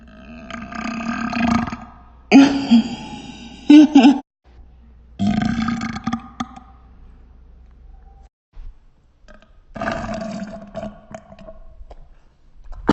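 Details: Part of a burping session lasting 1 minute 49 seconds: four long, loud, drawn-out belches in a row with pauses between; repeated burping.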